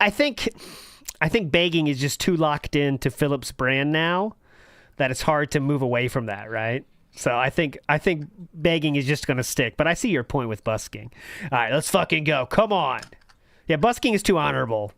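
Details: Adult male speaker; normal voice.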